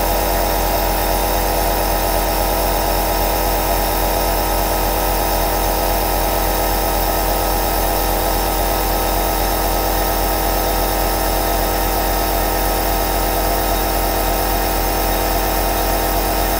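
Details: Two compressor nebulizers (aerosol) running together: steady motor drone with constant hum and fine rapid pulsing; nebulizer running.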